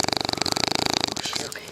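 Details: Bulldog puppy asleep in someone's lap by a campfire at a cottage, snoring loudly for the first time: a brief, rapidly fluttering, raspy snore that fades as the breath ends.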